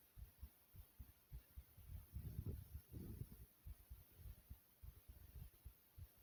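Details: A person's own heartbeat: soft, low, muffled thumps at about 100 per minute, somewhat uneven, over a steady background hiss.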